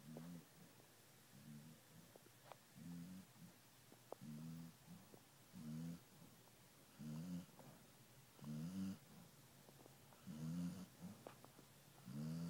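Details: Female sleeper snoring after a rough day: soft, regular, low rumbling snores on each breath, about 34 a minute, over faint room noise; ordinary snoring.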